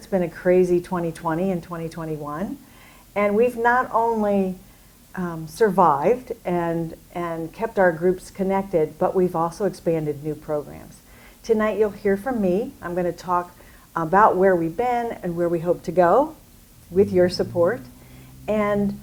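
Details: Adult woman speaking; typical speech.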